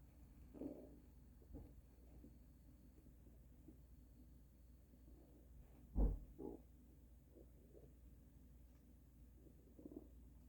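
Low gurgling rumbles and brief squelching bursts from the belly over a quiet background, consistent with loud bowel sounds (borborygmi).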